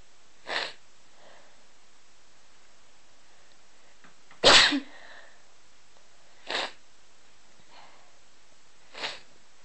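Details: Person with repeated sneezing: four short, sharp sneezes over about ten seconds in a quiet room.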